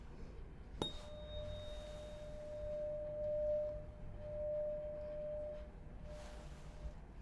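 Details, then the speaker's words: Simulated roleplay neurological exam, patient's eyes closed: a struck 512 Hz (C note) tuning fork rings with a steady pure tone fading over about six seconds for a left/right ear hearing test; hearing intact. "this is a c note it is a 512 hertz tuning fork okay so i'm going to be striking the tuning fork i'm just going to have you tell me whether you hear it in your left ear or your right ear"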